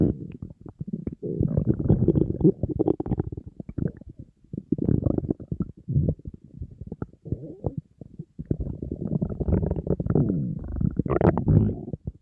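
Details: Loud bubbling, creaking rumbles in several long bursts from the empty stomach of a hungry person on a diet; stomach growling, ordinary hunger borborygmi.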